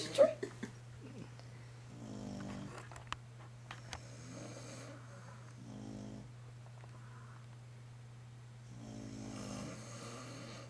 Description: dad and dog have a war by snoring